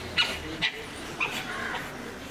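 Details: Dog whimpering from a pit bull at a district veterinary hospital, described as aggressive there: several short high-pitched whimpers and yips over room noise.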